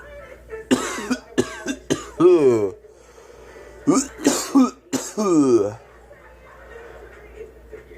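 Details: Child coughing in two short runs of about three coughs each, each run ending in a voiced, falling groan, in a quiet room.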